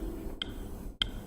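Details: Teaching demonstration of heart sounds: two sharp, high-frequency clicks over a low rumbling background, an example of an early systolic ejection click.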